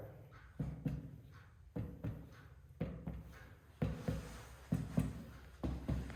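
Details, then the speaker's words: Resonant (sonor) percussion note from chest percussion with the index or middle finger, comparing right and left during a respiratory physical exam practice session; this is the normal note, and hyperresonance would suggest COPD or emphysema. "Seperti itu, dan biasanya berbunyi sonor ya."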